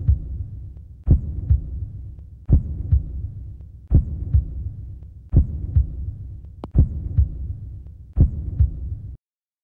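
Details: Heartbeat: regular paired low thumps, lub then dub, at a slow rate of about 42 beats a minute.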